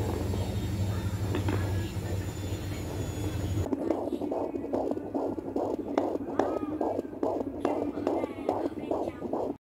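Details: Home fetal Doppler detecting a baby's heartbeat: after a few seconds of static hum, rapid regular whooshing fetal heartbeats at about 145 per minute.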